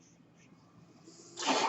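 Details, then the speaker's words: Low steady hum, then a sudden loud rush of air between spoken phrases: the cycling noise of the speaker's own mechanical ventilator during his podcast. "That noise you're hearing is my ventilator, and welcome to Page Turners They Were Not, my Star Wars podcast."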